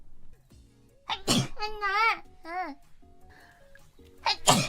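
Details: A VTuber sneeze compilation: two sharp, explosive sneeze bursts with a sung or voiced sound between them over faint background music; sneezing.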